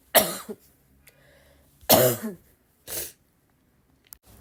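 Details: Three separate harsh coughs over about four seconds, with short throat-clearing tails and quiet gaps between; repeated cough.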